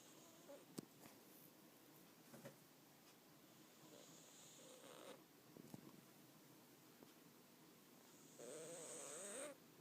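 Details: Sleeping pet dog snoring: soft breathing with a couple of rattling, fluttering breaths, the last longer and louder; light snoring.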